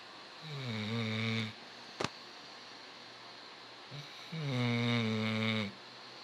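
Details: A sleeping black and tan Labrador with two long, low, rattling groans about four seconds apart and a brief click between them; snoring.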